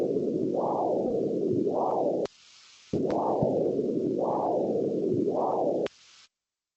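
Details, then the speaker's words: Monophasic arterial Doppler signal during an ABPI assessment: a continuous whooshing, vein-like sound with soft, rounded single pulses and little pulsatility. The waveform shows flattened humps, and a low ABPI would be expected unless calcification is present. "And I'm just going to play this for you, and you can see that it does sometimes sound very similar to a vein. You've got that sort of whooshy sound to it."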